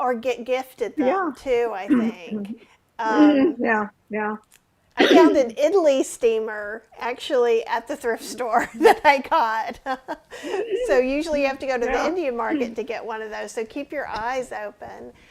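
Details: Adult woman speaking; ordinary speech.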